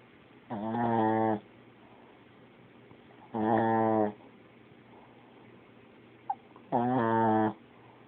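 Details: Snoring: three loud, buzzing, voiced inspiratory snores about every three seconds, quiet room noise between.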